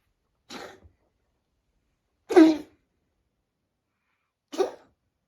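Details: Sick ginger cat coughing: three short, harsh bursts about two seconds apart in a quiet room; the cat is also said to purr afterward.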